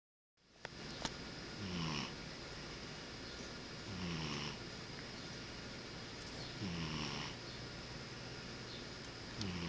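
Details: Cat snoring while half asleep: slow, rhythmic snoring breaths about every two and a half seconds, roughly 24 a minute, over steady background hiss.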